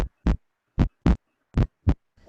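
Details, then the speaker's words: Clean, regular lub-dub heart sounds at about 75 beats a minute from a healthy heart, played as a teaching example: normal heart sounds. "when a healthy heart beats it makes a lub-dub sound"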